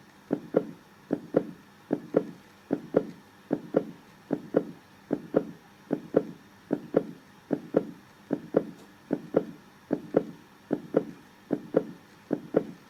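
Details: Steady paired lub-dub heart sounds at about 75 beats a minute with an even rhythm: normal heartbeat.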